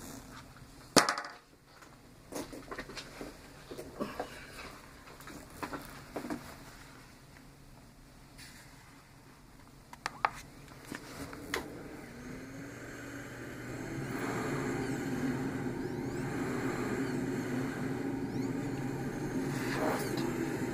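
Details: Small travel CPAP (DreamStation Go, AirMini or Transcend) set to 10 cmH2O with flex 3: handling clicks, then start-up with steady whooshing airflow and a low motor hum.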